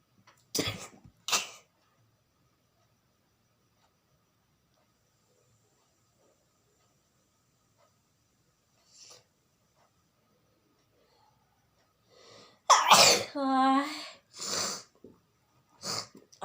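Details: Several short sharp sneeze bursts separated by a long quiet pause, one trailing into a brief voiced sound, during a sneezing challenge.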